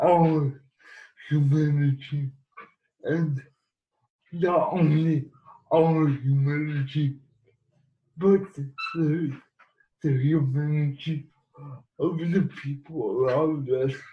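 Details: Dysarthric speech in cerebral palsy in an adult man living with the condition.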